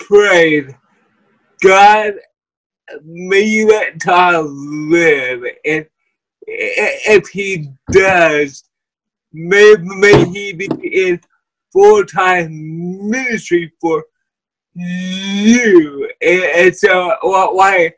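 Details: Wheelchair user with cerebral palsy: dysarthria (cerebral palsy).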